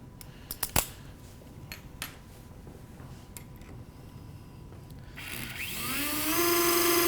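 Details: Knee-spanning external fixator on a simulated bone model: a few sharp clicks, then a power drill spinning up into a rising whine as an external fixator pin is driven in.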